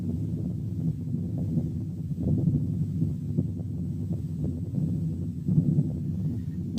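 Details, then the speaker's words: Venous hum, a cause of continuous murmur heard only over the neck and abolished by pressing the root of the neck with one finger: continuous low rushing hum without pauses between beats. "سبب تاني للcontinuous murmurs هو الفينوس هام اللي بتتسمع على الرقبة. هنسمع مثال."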